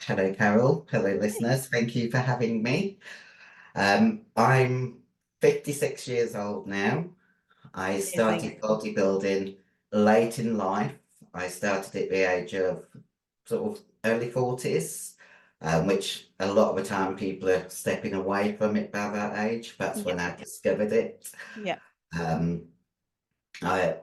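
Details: 56-year-old female bodybuilder with virilized voice (androgen-induced voice deepening) after taking large doses of anabolic steroids, including male steroids; she can no longer sing; also has past liver damage.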